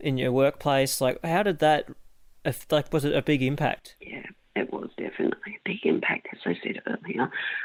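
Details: Woman with mixed adductor and abductor spasmodic dysphonia for 16 years, treated with Botox injections into the larynx, voice going in and out a little; spasmodic dysphonia (mixed adductor and abductor).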